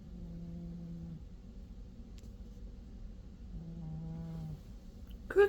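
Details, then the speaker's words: Sleeping pet cat snoring: soft, low droning snores with a quiet gap between them, then a brief noise at the end; gentle snoring. "You snoring, buddy."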